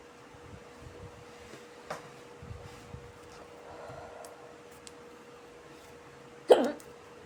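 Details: A woman gives a single sharp, brief hiccup after a faint earlier throat sound in a quiet room, after smoking a cigarette.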